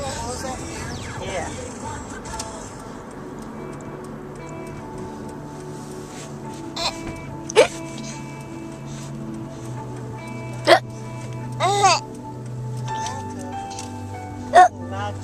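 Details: Brief sharp voiced catches every few seconds, about five in fifteen seconds, over music and room noise: hiccups in a new baby.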